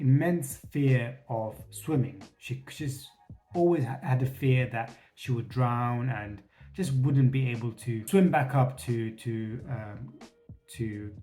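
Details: Adult male who says he has a stutter and has reduced it by facing his fears; repetitions in his speech; stuttering.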